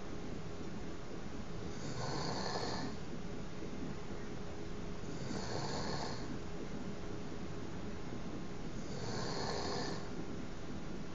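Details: Adult fiancé snoring through the night during sleep: three soft, noisy snoring breaths about every three and a half seconds, under a steady hiss of background noise; snoring.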